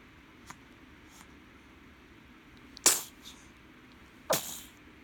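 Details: Baby sneezing in a quiet room: two small, high, sharp sneezes about 1.5 seconds apart, with faint soft noises before them; infant sneeze.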